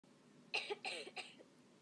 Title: coughing #3 2013